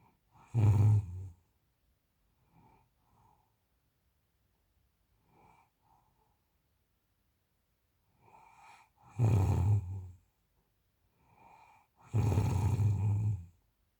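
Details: Adult snoring during sleep: three deep, loud, rumbling snores with soft breathing sounds between them.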